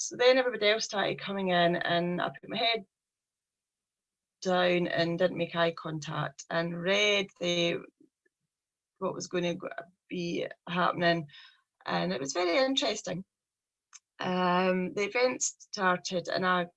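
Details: Stuttering (stammering) in a 43-year-old woman with a speech problem since age three.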